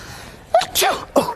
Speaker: fake sneeze prank on my mom achoo